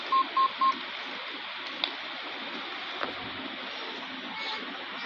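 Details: Medtronic Lifepak 20 defibrillator with fresh battery and ECG cable: three short even beeps from the monitor after switch-on, then steady room noise; normal startup tones.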